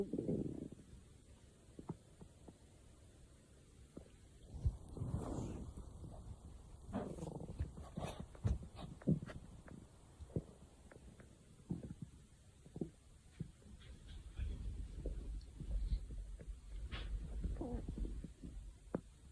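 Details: Stomach growling: low rumbling gurgles with scattered pops and bubbling over about twenty seconds.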